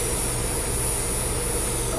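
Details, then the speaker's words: Steady low motor hum with a high whine from an electric dental lab handpiece running continuously on the H setting. Speed is being turned down with the rheostat to its lowest, and speed and noise decrease. "to adjust the handpiece speed you use the facial rheostat or the facial potentiometer as you can all hear the speed and the noise is decreasing"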